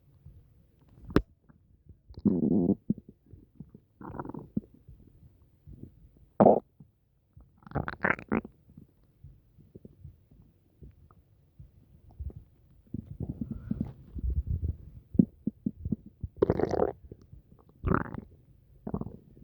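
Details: Upset stomach, possibly from something eaten: irregular low gurgling and rumbling bursts with quiet gaps; active bowel sounds, stomach rumbling (borborygmi).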